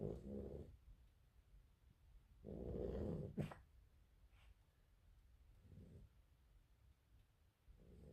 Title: rottweiler snoring